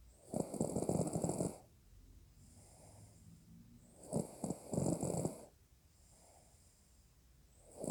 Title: roncando